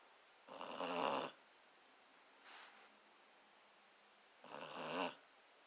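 Two loud rattling snores about four seconds apart, with a soft snort between, in a quiet room; snoring.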